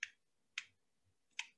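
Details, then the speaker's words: Insulin pen holding 300 units, with a one-unit-increment dose dial: three sharp, separate clicks as the dial turns. Each click marks one unit, so the dose can be counted by ear, for example with severe diabetic retinopathy. "you hear that clicking so even if if i was completely blind if or i'd like severe diabetic retinopathy i could just listen to the clicks and i would know how much insulin i'm giving myself"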